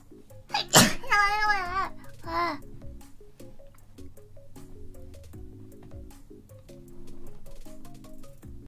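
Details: Cute sneezes: a sharp sneeze burst followed by a high, drawn-out squeaky vocal sound, with steady background music throughout.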